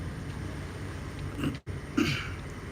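Two brief throaty bursts, a throat clear and a short cough, over a steady low background rumble.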